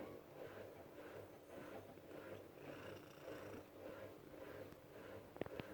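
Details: Female shelter cat purring and snoring at the same time: soft, continuous rhythmic purring with snoring-like breath sounds, about one cycle every half second, and a few clicks near the end.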